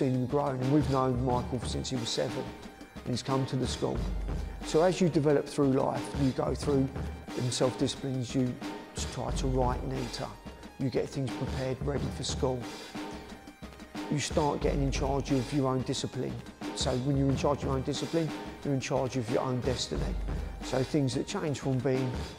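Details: Adult man speaking; Normal adult speech.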